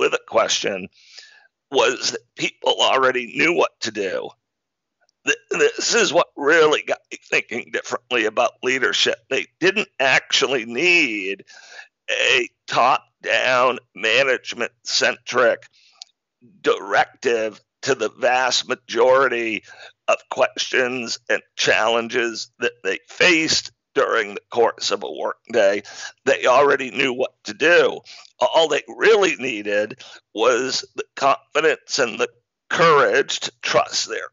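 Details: Man with spasmodic dysphonia, a rare neurological speaking disorder causing partial voice loss, with onset around 2010 and diagnosis in 2012; much improved over about a decade but still present; real speech showing spasmodic dysphonia.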